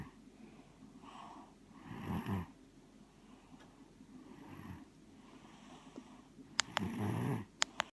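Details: Light snoring: soft, low, rattling breaths in a slow rhythm with faint purring-like noise and a few clicks.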